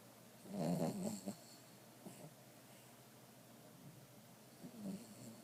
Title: Lazy bulldog/wawa. Snoring